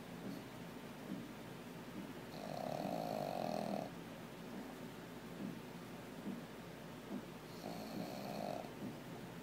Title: Snoring Pug....